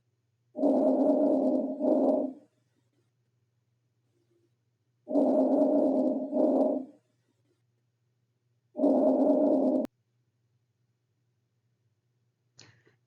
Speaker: vesicular sounds are soft blowing or rustling sounds normally heard throughout inspiration continue without pass through expiration and then fade away about onethird of the way through expiration